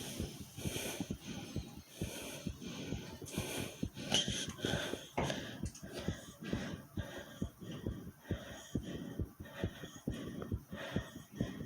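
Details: Rapid steady low thumps of a fast heartbeat, about 130 a minute, self-recorded, with the person's stomach growling mixed in; tachycardia.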